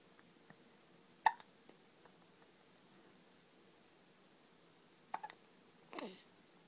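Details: Child who started hiccuping in the womb and has never stopped, hiccuping again: sharp, brief hiccup clicks, one near the start and a pair later, in a quiet room.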